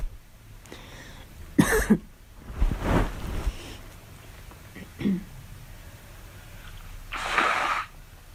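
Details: Girl coughing on purpose: several separate coughs in a quiet room, including a couple of harsh bursts, performed rather than from illness.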